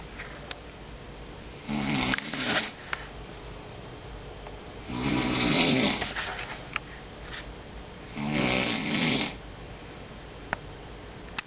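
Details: Three long, harsh, rattling snores about one every three seconds, over steady room hiss: ordinary loud snoring.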